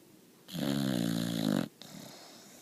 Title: Boxer Puppy SNORING